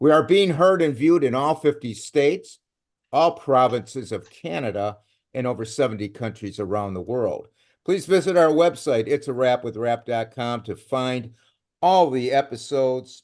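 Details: Adult male speaker; Normal fluent speech.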